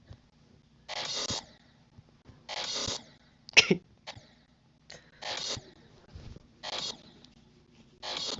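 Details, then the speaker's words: Adult woman (a mother) sneezing at a distance in a quiet room: repeated short hissing bursts and one high, squeaky, chirp-like burst, mistaken for birds; sneezes with an unusual bird-like squeak. "oh no that was my mom sneezing that was my mom sneezing that wasn't Birds"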